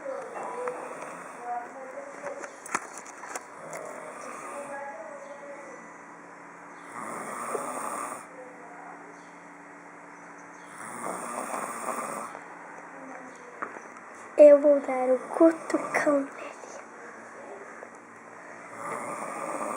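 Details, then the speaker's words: Father sleeping and snoring: rough, rattling snores in bursts every few seconds with quieter breathing between, one louder snort near the end; sleep snoring. "E só de dar um cutucãozinho nele, ele já dá um roncão."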